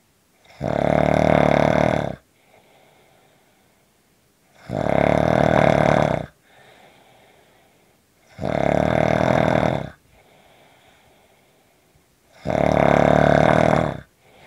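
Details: Snoring: loud, rough snores on each in-breath, about 15 a minute, with soft quiet out-breaths between.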